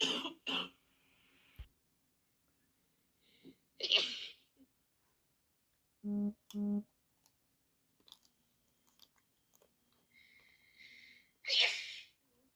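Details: A few sharp, explosive sneezes spread apart with short throat sounds between, from two people both ill with flu; sneezing.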